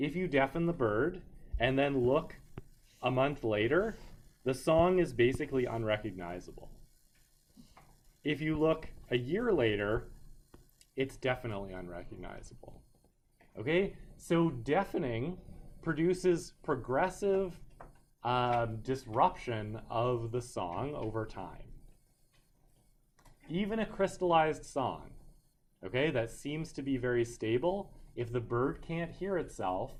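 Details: Adult male lecturer; normal speech.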